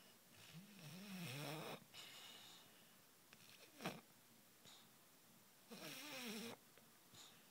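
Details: Sleeping dog giving two long, rasping, wavering snores several seconds apart with a quiet snort between them. Dog snoring.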